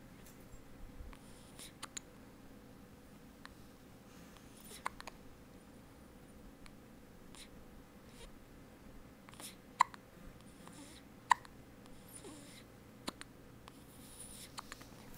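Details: Girl who gets hiccups a lot, filmed by her mother: faint, sharp, brief hiccup clicks repeating irregularly, about 40 a minute, over quiet room noise.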